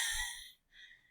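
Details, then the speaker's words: Instructor's imitated expiratory wheeze in a vital signs lecture: a high, musical whistling as air is forced out through constricted, inflamed or mucus-filled bronchioles; severe wheezing can be heard without a stethoscope. "I had to force that out but y'all have heard stuff like that before like so that's what they will sound like and sometimes it'll be external if they're seriously weezing they'll be external you'll be able to hear it without a stethoscope"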